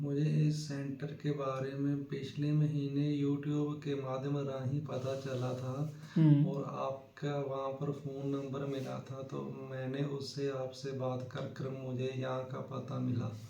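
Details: Very acute stuttering in a 22-year-old man, self-reported 50-60% and over 90% when nervous, speaking after a 2-week fluency-shaping course using a taught speech form; treated stuttering.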